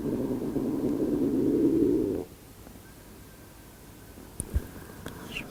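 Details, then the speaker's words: A low, rumbling gurgle lasting about two seconds, then quiet, from a woman's stomach during a yoga practice: ordinary stomach gurgling during digestion. "que mon corps digère peut-être qu'on a entendu le gargouillement de mon vre"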